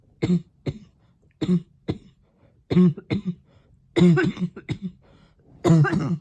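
About nine short, harsh cough bursts in loose clusters across six seconds, some followed by throat clearing.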